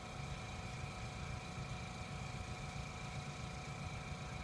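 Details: Steady low motor hum with a faint constant whine and no pauses: a suction machine checked before a tracheal suctioning demonstration, running with the control hole uncovered.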